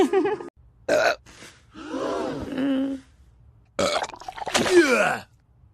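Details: Cartoon burp compilation of female characters: a series of loud, drawn-out animated burps with voiced croaking, separated by short silences; burping sound effects.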